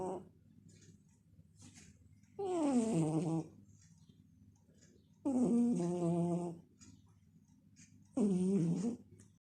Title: Now for something totally different my snoring baby....